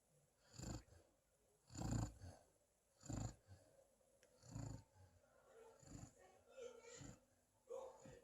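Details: Black female East European Shepherd dog snoring while asleep: soft, quick snuffling snores about once a second, fading into lighter breathy sounds.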